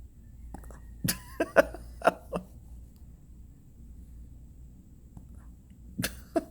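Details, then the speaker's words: Hiccups in a Shih Tzu that started after a cat's meow scared it: short, sharp, spasmodic catches in quick succession, with quiet room noise behind. "cat gave you the hiccups let it scare you oh you guys get into some hiccups did the meow get you"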